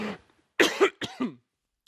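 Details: Adult news announcer coughs during a broadcast: a brief run of two or three harsh coughs, the later ones voiced and throaty, separated by short silences; a coughing fit.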